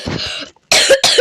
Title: maaf awak batuk:)